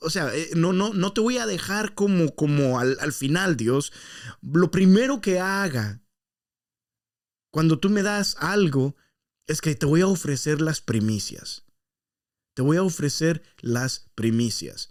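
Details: Stuttering in an adult male podcast host, who says it worsens after breaks from podcasting and that he stuttered even more while re-recording his intro about seven times; stuttering.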